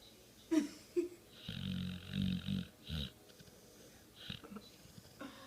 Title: Dog Snoring While Awake